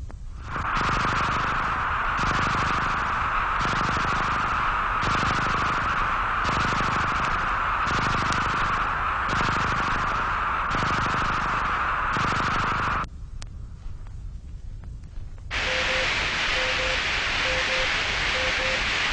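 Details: Simulated tinnitus made on an electronic music synthesizer by the Royal National Institute for the Deaf, representing what patients with moderate to very loud tinnitus hear continually inside the head.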